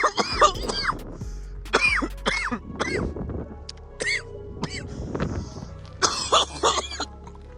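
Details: Adult man coughing after inhaling vapour from a plug-and-play cartridge outdoors: repeated harsh coughs, around eight bursts in fits, with wheezy gasping breaths between, music behind; irritant cough.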